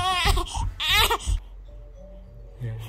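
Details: A baby gives two short, high-pitched crying bursts, then quiets, with faint background music; the baby is about to go to sleep.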